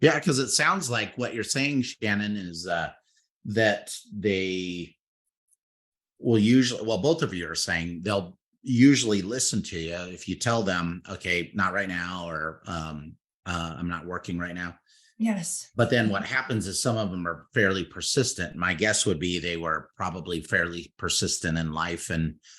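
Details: Adult male speaker; normal conversational speech.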